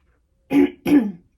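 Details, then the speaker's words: Two short, forceful, rough, effortful throat clears from an adult woman whose throat was damaged by a tracheostomy, after MS attack paralysis following radiation for sarcoma; throat clearing. "But thankfully I have done. But that tracheostomy has damaged my throat,"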